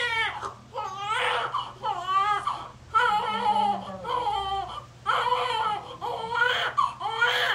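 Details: Loud, repeated wailing cries in short bursts with brief breaths between, in a small room, from a baby boy just delivered, cord around him; a normal vigorous newborn cry.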